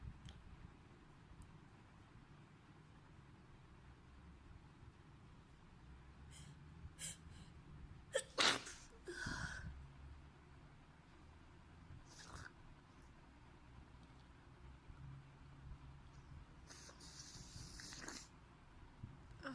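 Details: Girl sneezing during a nasal swab test for Covid-19: over quiet room noise, a sharp burst with an intake of breath, then a short sneeze-like blast; sneezing set off by nasal swabbing.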